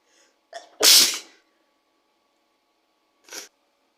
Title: Sneezing into a CD 💕